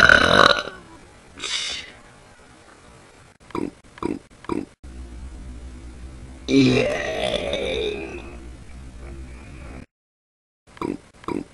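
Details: Voluntary repeated belching in a one-minute recording, with a few hiccups also in it: several short croaky bursts and one long, rolling, drawn-out belch of about three seconds.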